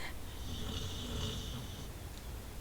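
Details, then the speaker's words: Sleeping dog snoring in a small room: a quiet, low rumbling snore with a soft hissy breath. "My dog is snoring."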